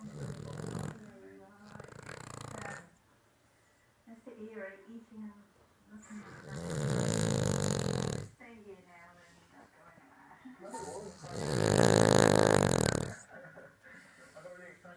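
Loud, rough, rattling breaths at a slow, steady pace, with a person talking softly in the background: snoring in a sleeping dog.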